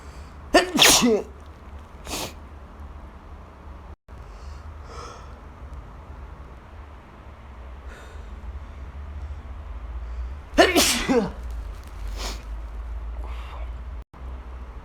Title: sorry i can't sneeze quietly today 😖